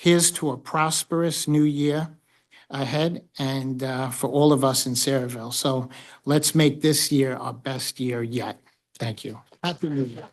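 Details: Adult speaker; normal voice.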